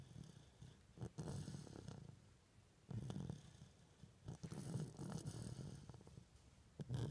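Soft, fluttering low snores come in a regular breathing rhythm of about three breaths in seven seconds: an infant snoring in sleep.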